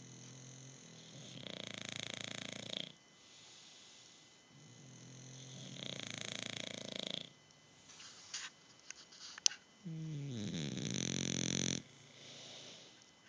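Loud rattling snores on the in-breaths, about every four to five seconds, with a different pitched snore joining in; ordinary snoring.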